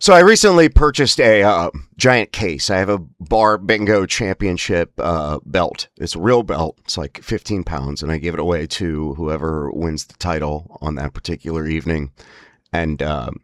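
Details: Spasmodic dysphonia (laryngeal dystonia) in an adult, whose spasms worsen with emotional stress.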